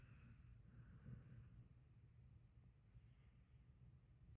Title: Lisen closely my dog snoring